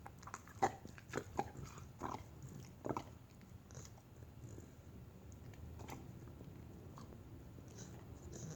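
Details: Dog gives a short run of about five harsh, dry hacking bursts, then goes quiet; hacking cough.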